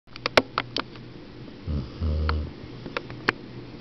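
Brief low rumbling snore breaths with scattered clicks and sniffs in a quiet room; a dog snoring.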